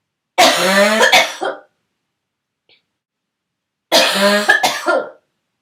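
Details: Person sick, throaty cough turning barking for the first time: two loud, harsh, hoarse coughs with a brassy, barking edge, separated by a pause.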